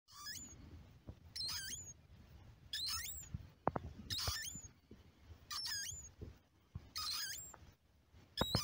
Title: Hazel dormouse Muscardinus avellanarius snoring, Poland